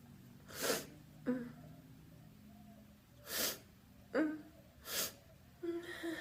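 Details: Three loud, explosive, voiced, wet open sneezes, each preceded by a sharp inward gasp; ordinary sneezing.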